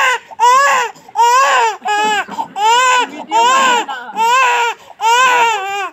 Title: is crying 😭